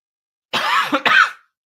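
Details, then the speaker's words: Cough from an adult who reports being sick with a sore throat and changed voice, which they attribute to recent fog in Utah: one harsh, throaty two-part cough, like a cough with throat clearing. "And you can hear, like, I'm sure you guys can tell, my voice is not the same. I am sick ever since having the fog here in Utah."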